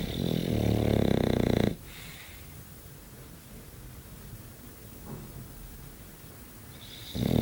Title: funny english bulldog snoring